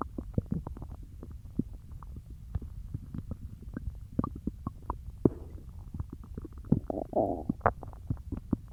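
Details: Stomach growling after eating peanut butter: rapid bubbling, popping gurgles with a short louder rumble near the end; bowel sounds (borborygmi).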